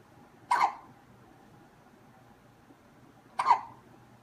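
Two sharp, abrupt hiccups about three seconds apart in a quiet room.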